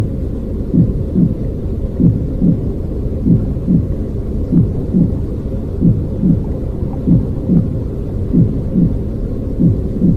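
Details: Human baby's normal heart sounds: steady paired heartbeat thumps, about 48 beats a minute, over a low muffled rumble.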